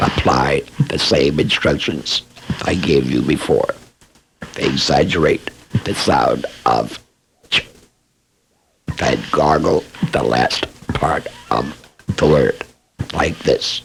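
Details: Esophageal speech by a laryngectomee after laryngectomy, recorded as real instructional training material.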